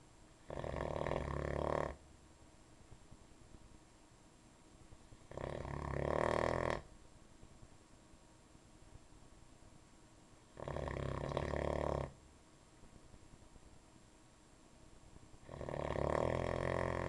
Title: Logan Snores